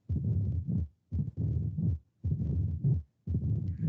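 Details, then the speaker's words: Mitral stenosis: doubled sound of the second heart sound and then an opening snap, followed by a low rumbling murmur through almost all of diastole (holodiastolic). "Si se dan cuenta, cuando escuchan como un doble golpeteo al inicio. Tutum, tum, tutum, tum, ¿no? O sea, el primer golpeteo es el segundo ruido. Tutum, y el segundo es el chasquido, ¿no?"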